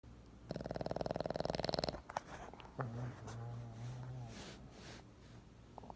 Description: Winston was sleeping and snoring, as always, and I discovered this mystical sounds I could make with his cheek.